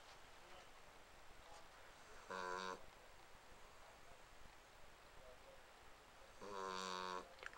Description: My dog Alfie snores...really freakin' loud.